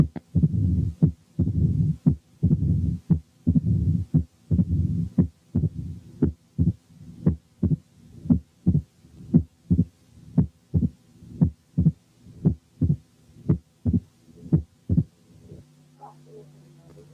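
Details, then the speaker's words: Mitral stenosis at the apex: regular heartbeat near 58 a minute, opening snap and low-pitched rumbling mid-diastolic murmur separated from S2, fading when the bell is pressed on the skin, leaving S1, S2, opening snap. "لاحظوا ان الميد دايستوليك ميرمر دائما of low pitch، وعشان كده بيسموها رامبلينج، يعني كده درررر."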